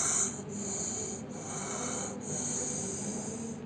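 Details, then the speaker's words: Adult patient with long-standing hoarseness of voice and compromised glottic airway: harsh, high-pitched noisy breathing on both inspiration and expiration, biphasic stridor, with the hoarse voice audible. "The biphasic stridor. And you can hear the voice."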